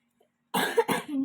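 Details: Child coughing while doing religious-studies homework: a single short double-burst cough in a quiet room.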